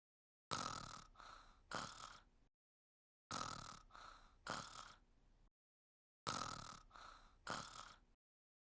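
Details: Cartoon character Luz snoring, an acted sound effect rather than a real sleeper: the same two-part rasping snore repeats three times in an identical loop.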